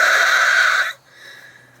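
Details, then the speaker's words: Adult's productive cough, a single harsh forceful cough with mucus very low and deep in the chest, very sticky and hard to bring up; recorded in a car. "that's only you know just a little bit but it's way down and deep and the mucus is so sticky"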